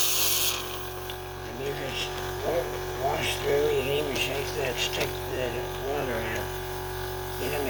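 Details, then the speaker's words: Sunset SU100 portable suction machine used by a tracheostomy patient with head and neck cancer, suctioning water through the wand to rinse it: steady low motor hum with a man talking over it, moderate rather than loud. "I let it run in here and suction. You can see it out. Then I go back in the water."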